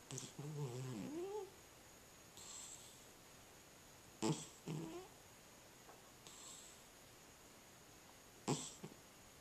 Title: Cat with Sleep Apnea